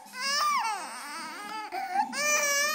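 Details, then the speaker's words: Infant girl crying during tummy time, unhappy being on her tummy, with siblings nearby: high-pitched, wavering, sustained wails with brief breaks. "don't hit her in the head love her make her stop crying you going love her no give her love it's a good big sister"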